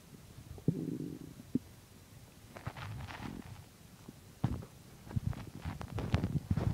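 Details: Stomach digesting chicken and milk: low gurgling and rumbling abdominal noises in a quiet room; ordinary stomach growling, bowel sounds.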